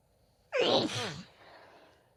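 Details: Female sneeze: one sudden, forceful voiced sneeze that fades into a breathy sigh.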